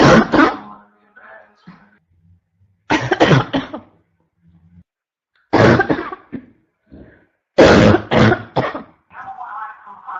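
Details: Constant barking cough: repeated harsh, explosive coughs in four tight clusters of two to four, about a dozen in ten seconds, with gasping breaths between.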